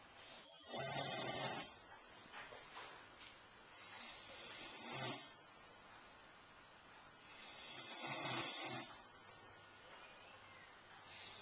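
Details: Recorded with a Flip Video camcorder: harsh, rattling snores with each inhalation, about three in eleven seconds, separated by quieter breathing; ordinary snoring.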